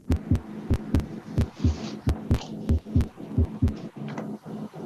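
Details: Chest auscultation with a stethoscope in an intercostal space: regular paired lub-dub heart sounds over a low hum, normal first and second heart sounds.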